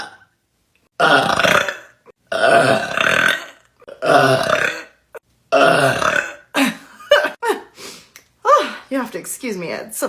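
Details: Person burping without drinking anything: four long, loud, rough belches in a row, each about a second, then brief voiced sounds.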